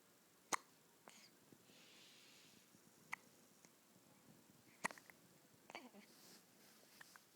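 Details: 2-day-old baby girl with hiccups: three faint, sharp hiccup clicks over about seven seconds in a quiet room.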